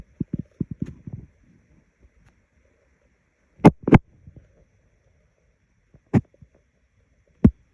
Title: Decided to make a stomach growl video because I am hungry.